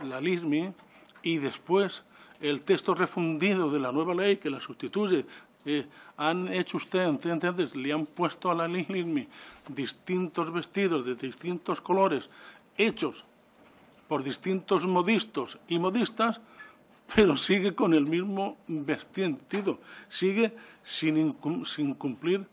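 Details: 69-year-old adult man with self-reported real stuttering, speaking spontaneously in person at a parliamentary commission; he says he takes longer to say things than to think them; stuttering.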